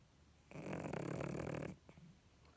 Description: Biga the pug sleeping and snoring ❤️